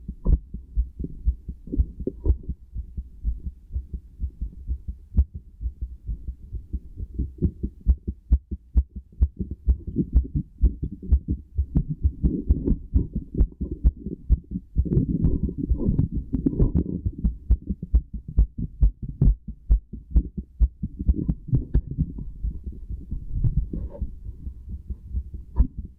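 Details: Heartbeat recorded with a stethoscope: steady, regular low thumps with some low rumbling chest-piece noise.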